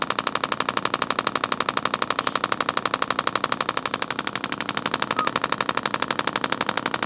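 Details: Steady rapid sharp clacking pulses, about four per second, from a radial shockwave device on an adult man's tight, sensitive deltoid trigger point for shoulder pain, muscle seen fasciculating; radial shockwave therapy.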